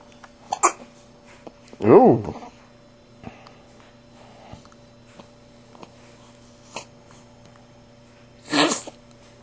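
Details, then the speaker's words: Young boy with hiccups: a few short, abrupt catching sounds spaced several seconds apart, one louder and voiced; hiccups not yet going away. "The orange has hiccups. You alright, buddy? You got hiccups, little man? Yeah. They going away yet? No."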